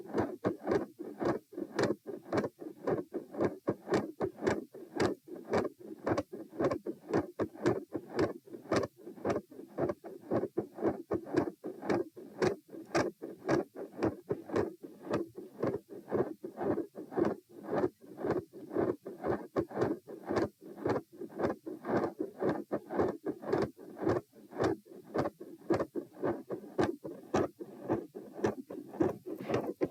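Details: Auscultation stress test at position M, heart rates 90-108-72 bpm while sitting, standing, then lying: fast regular beat near 110/min, split S2, mid-systolic murmur, with electrical disturbance.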